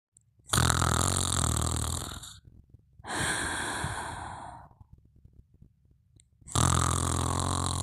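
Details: Sleep snoring: slow breathing with a low fluttering snore on each in-breath and a soft hiss breathing out.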